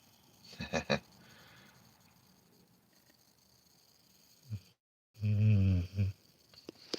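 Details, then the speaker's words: Sleeping female dog, apparently too tired to walk, gives a few short snorting breaths, then one long, low rumbling snore over quiet room noise; snoring. "This is my dog. Her name's Her name is Beefy Dog. She's snoring."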